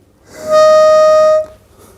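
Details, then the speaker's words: Metered-dose inhaler used with a spacer: a steady high-pitched whistle for about a second when inhaling through the spacer too fast, signalling the breath should be slower and longer; spacer whistle from too-fast inhalation. "अब अगर आप तेजी से सांस लेंगे तो inhaler के अंदर से सीटी की आवाज आएगी जो कि आपको यह बता रही है कि आप सांस बहुत तेजी से ले रहे हैं इसलिए स्लो हो जाए"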